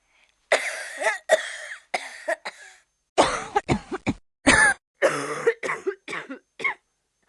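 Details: Three bouts of harsh adult coughing, about a dozen bursts in total, in a quiet room, with laughter around them: cough.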